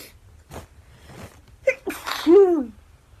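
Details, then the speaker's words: Sneeze in a young Japanese woman who says her throat is itchy and suspects heavy pollen: a few quick in-breaths building to one loud, explosive sneeze with a voiced 'choo' at the end. "粉すごいね。喉がね、喉がかゆい。あ、花粉がすごい。なくなっちゃうの？もう分かんなくてくしゃみ出ちゃったよ。"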